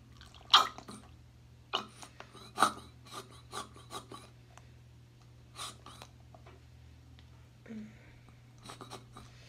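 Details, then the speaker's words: Emptying a post-operative surgical drain bulb on day 3 after breast reduction: the tubing is clipped and the bulb opened, with soft splashes, drips and plastic squeezing over room hum as the fluid is poured out. "so you clip it off and then you open this and then you just kind of pull it out"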